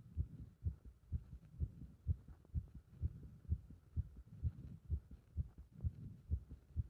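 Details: Heart sounds recorded with pressure on the chest during squats: strong, regular low thumps at about 128 a minute; a quickened but steady heartbeat from exertion.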